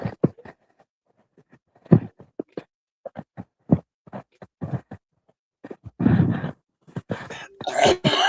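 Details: An adult in a rapid, irregular coughing fit of short harsh bursts, building to louder, rougher coughs, right after taking a hit of cannabis while smoking.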